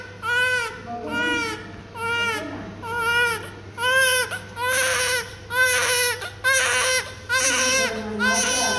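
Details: Healthy newborn who has not opened his eyes, crying: rhythmic, strong, vigorous crying at about one cry a second, with clear pitch and brief breaths between cries.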